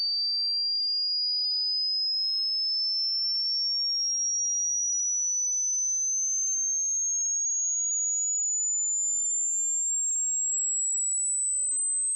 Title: Hearing test. When does the sound stop?